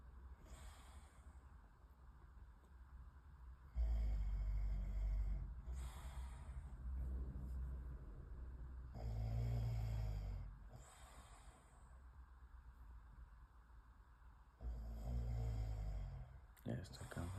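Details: Person snoring around 2:30 a.m. while another tries to fall asleep: loud, low rumbling snores every few seconds in a quiet room, with softer breaths between them.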